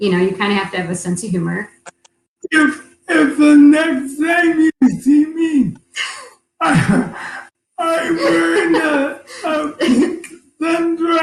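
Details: Man diagnosed with ALS in September 2019 at age 54, about 18 months before recording; he reports ALS is affecting his voice and making him hard to understand, with his wife interpreting; dysarthria (ALS).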